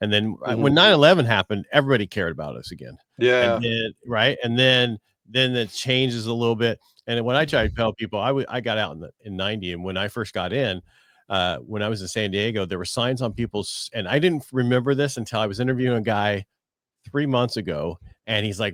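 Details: Adult male speaker; typical speech.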